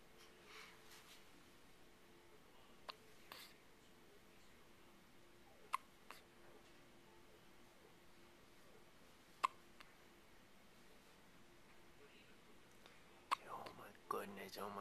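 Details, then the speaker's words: Baby girl having her first hiccups. Sharp, brief hiccups about every three to four seconds in a quiet room. "somebody pick me up and get rid of my hiccups all right"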